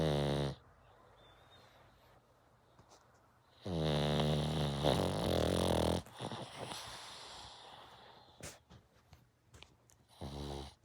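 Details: Snoring in a sleeping one-eyed rescue pug, a flat-faced dog: loud, buzzing, fluttering snores with snorting and snuffling sounds between them.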